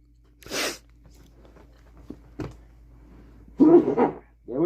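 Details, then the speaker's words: A single sharp, hissing sneeze, then a few small clicks and a brief voiced sound in a quiet room, from a livestream host who mentions nasty flu going around; sneeze. "All right, sneeze number one. Who? Hey, who's in charge of the sneeze counter?"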